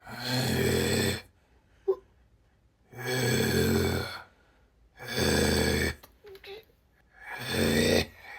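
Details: A dad snoring in a shared hotel room: loud, rough snores in long bursts about every two seconds, each separated by a quiet pause.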